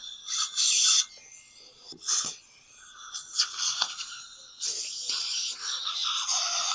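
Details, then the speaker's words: Repeated gritty scraping and rasping strokes with suction hiss: curettage of infected granulation tissue from the extraction socket of abscessed, mobile tooth 27 down to healthy bone, under local anesthesia, live surgery. "Now we're going to curate out the infection. You want to make sure you remove all the granulation tissue from the socket."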